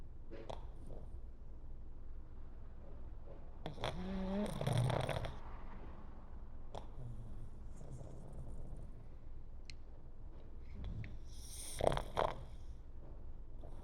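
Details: Pug resting on sofa pillows: soft, low, rumbling breaths with a couple of louder snorting snores from a small dog; gentle snoring.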